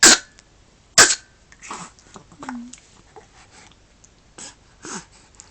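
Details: Early-morning hiccups: two strong, abrupt bursts, then softer repeated jerky catches about once a second, with faint vocal sounds.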